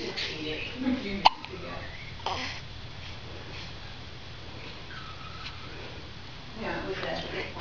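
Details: Child being held: one sharp, abrupt catch in the breath against quiet room noise and faint voices; hiccups.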